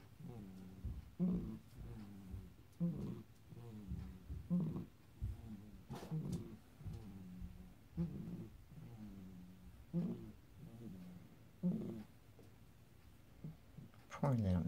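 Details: Small pet, first time out of its cage, with wheezy breathing: repeated low, tonal squeaks with each breath; a kitten is heard running in the background.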